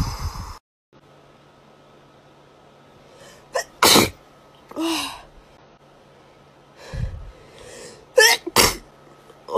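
Several sharp, explosive sneezes, some with a quick intake of breath before, separated by quiet pauses.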